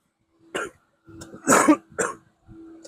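An adult gives a short run of three or four harsh, dry-sounding coughs over a steady low background hum; an ordinary cough.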